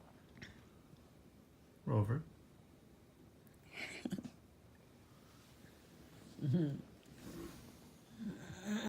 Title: Golden Retriever Puppy Snoring